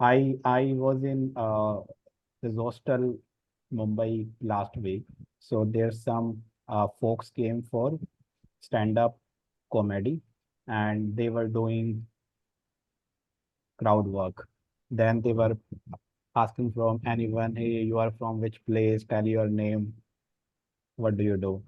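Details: Real recording of an adult man who self-discloses that he stammers, speaking in a stammering self-help practice group; stuttering.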